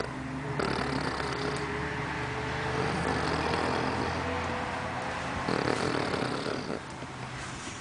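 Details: Snoring in a sleeping 15-year-old Poodle: loud, rough rumbling breath noise, with room noise and faint talk in the background.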